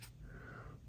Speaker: Uh, the dog is snoring. So, if you hear that, that's what that is.